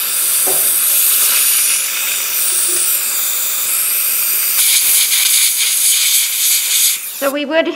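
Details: Steady high-pitched hiss and whine of a dental high-speed drill cutting a root canal access opening into a model tooth, after anesthetic and rubber dam placement, in a dental assisting demonstration.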